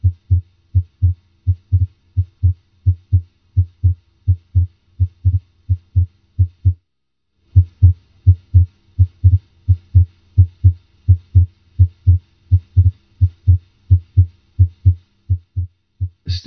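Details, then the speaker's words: Teaching recording of normal heart sounds at the base, in the aortic and pulmonic areas: regular paired heart sounds at about 86 beats a minute, with S2 louder than S1. "in the aortic area and also in the demonic area s 2 is usually louder than s 1"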